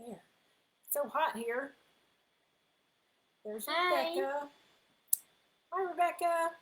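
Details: Young child speaking; plain speech.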